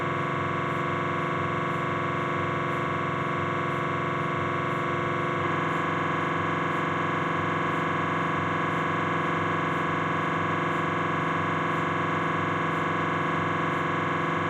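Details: Knee MRI on a Philips 1.5 T scanner: a loud, steady buzzing drone with fast regular pulsing that shifts tone partway through. MRI scanner noise.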